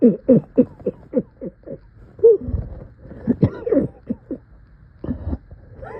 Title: Coughing in so much pain!